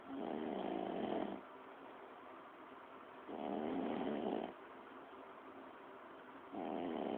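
Rough, rattling snores on each breath in, about three in seven seconds, with quieter breathing out between them.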